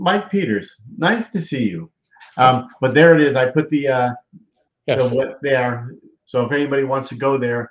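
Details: Adult male speaker; normal speech.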